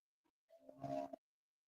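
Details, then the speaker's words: Pet sleeping, finally snoring away: a single drawn-out, faintly whistling snore rising in loudness before stopping. "Cinnamon would eat before I would eat. actually over there finally snoring away."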